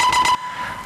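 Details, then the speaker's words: Loud, shrill buzzing of an MRI scanner running a standard echo-planar imaging (EPI) fMRI sequence, then a quieter steady hum; EPI loudness reduces patient comfort and fMRI activations. "And this reduces patient comforts, induces startle movements, and impairs audio transmission, and also reduces fMRI activations. So this is how EPI sounds like."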